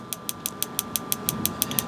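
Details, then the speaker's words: Radial shockwave therapy on an adult male's forearm for an elbow extensor mass strain from gym overuse, planned at about 1,500 pulses and roughly two-thirds done. Steady sharp clicks, about six per second, sound over a constant hum. "so we uh we're going to hit this with about 1,500 pulses so we're a little bit of about 2/3 of the way done"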